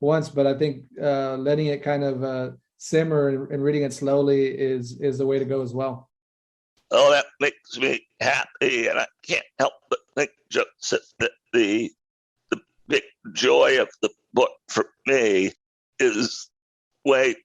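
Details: Adult male with a rare neurological voice disorder acquired in 2012 that made speaking difficult, still audible today, with spasmodic-type voice breaks: neurological voice disorder.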